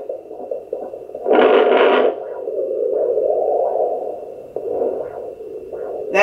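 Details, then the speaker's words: Home fetal Doppler on a pregnant woman: loud probe crackle, then slow soft whooshing pulses about 75 per minute, the mother's own heartbeat, slower than the baby's heartbeat (about double); maternal pulse on fetal Doppler. "so this is her heartbeat which is what we heard last time it went away that's me"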